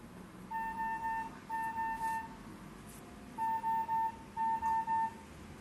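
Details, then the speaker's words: Automated external defibrillator, after its voice prompts say a shock is advised, the shock is charging and not to touch the patient: repeated steady grouped beeps sounding while it charges before the shock. "Elektroşok gerekli. Elektroşok hazırlanıyor. Hastaya dokunma."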